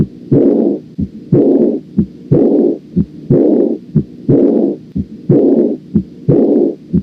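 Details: Aortic regurgitation auscultation: regular heart sounds at about 60 beats a minute, each beat followed by a loud blowing murmur from a leaking aortic valve.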